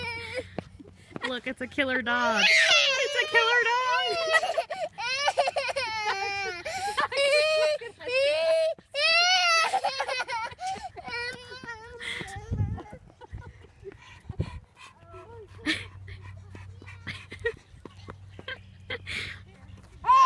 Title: BABY CRYING FUNNY